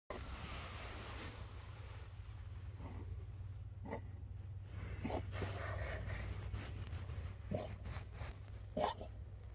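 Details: 16-year-old cat whose vet thinks it's asthma: about four short, dry hacking coughs over steady low room hum, consistent with feline asthma cough.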